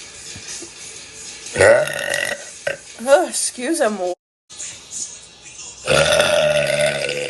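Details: A girl belching during a live stream: loud, drawn-out voiced belches between bits of talk, with background music; burping.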